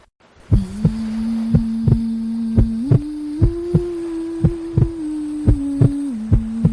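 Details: Baby sleep-aid recording with white noise and melody: steady paired heartbeat thumps at about 60 a minute under a soft sustained melody and hum; heartbeat.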